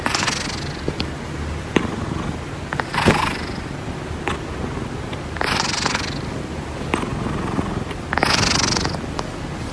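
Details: Sleeping cat snoring loudly and rhythmically, a rough noisy burst on each breath about every 2.5 seconds, roughly 24 a minute.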